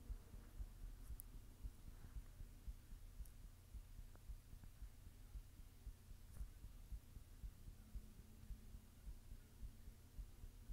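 Faint, regular low thumps near 115 a minute under a steady hum; a resting heartbeat, somewhat fast.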